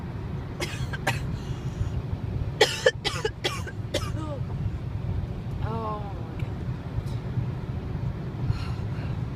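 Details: Several short, sharp cough bursts from a person riding in a car at sunset, with steady road noise behind; a cough.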